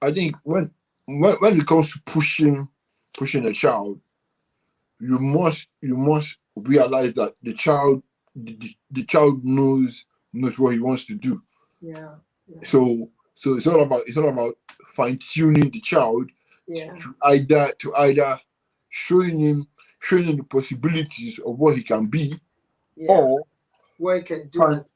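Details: Dysarthria in a UK-based adult man born with cerebral palsy affecting movement and speech, attributed to a high bilirubin level at birth.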